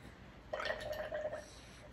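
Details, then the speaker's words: Special-needs baby girl fed by gastrostomy tube whose tight flap lets up only small burps: vented through the opened G-tube before feeding, a short bubbling gurgling burst of air about a second long. "it's hard to burp her because the flap is extra tight so air can come up in little burps do come up but not those big burps that makes your baby feel better"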